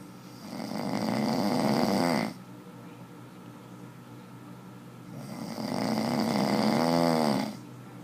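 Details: Man snoring: two loud, rattling snores on the in-breath separated by a quiet out-breath.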